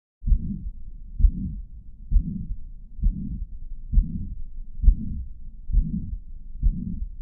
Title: Mitral Regurgitation Murmur - Summarised alongwith Audio - Heart Sounds